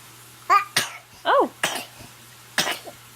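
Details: Baby sneezing: several short, sharp bursts with a brief squeaky vocal sound between them, over a low hum.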